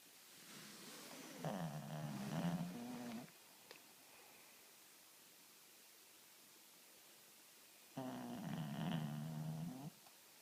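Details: Shih Tzu sleeping on first night home after hospital stay for dehydration: two loud, rattling, low snores of about two seconds each, quiet breathing between, about nine per minute; snoring.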